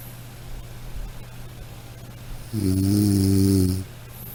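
A single loud, rumbling snore on the in-breath, over steady low room hum.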